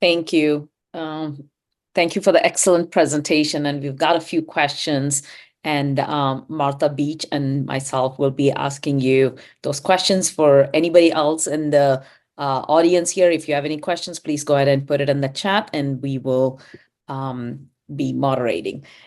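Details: Adult speaker (moderator); ordinary speech.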